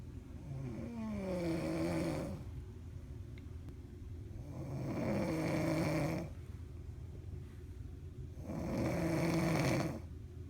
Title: Me snoring it up on the cruise! I was tired